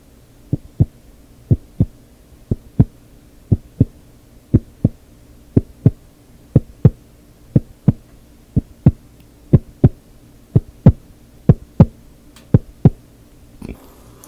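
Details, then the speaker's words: Simulated relaxation roleplay cranial nerve exam for a headache/migraine patient: heartbeat check through a stethoscope during deep breaths, paired low thumps about 70 a minute, steady rhythm, no extra sounds, judged to sound fine. "So everything everything seems to sound fine with your breathing there as well as your heartbeat."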